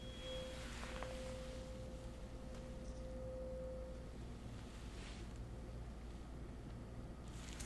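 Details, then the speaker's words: Simulated ASMR earwax-removal roleplay: a struck tuning fork (called "24") gives a clear, steady pure tone that fades, used as a mock hearing test for hardened, deeply impacted earwax; the patient barely hears it. "The hertz on this tuning fork allow us to know uh how fast the sound can travel between the ear wax. That tells us how deep it is."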